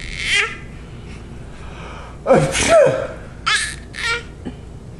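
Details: Someone sneezes, a noisy sneeze burst with a voiced catch, then breaks into short bursts of giggling, with faint room noise.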